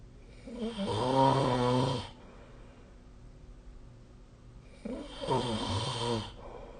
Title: 🐽 Snoring Sleep Sound / いびきの音